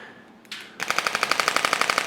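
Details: Radial pressure-wave device starting on a woman's lower back to break up adhesions, 5+ years of chronic low back pain, patient rounding her back; a click, then rapid regular sharp clacking pulses.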